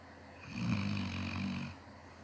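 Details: A single deep, rumbling snore lasting about a second over steady room hum; snoring.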